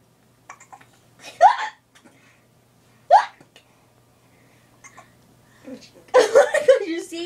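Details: Short, sharp voiced gulps about 1.7 seconds apart from a male, among giggles and faint talk; hiccups.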